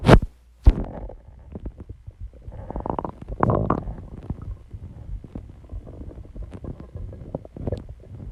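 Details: Borborygmi: irregular low gurgles, rumbles and soft pops of shifting gas and fluid, with a few sharp clicks near the start, from a person's growling stomach.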